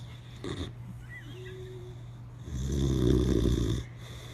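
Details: Sleeping Boxer dog with eyes open, snoring: a short snort followed by a loud, rattling breath sound, with a steady hum in the background.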